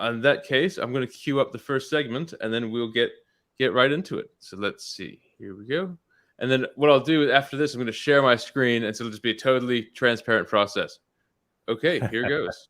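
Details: Adult male speaker; Normal speech.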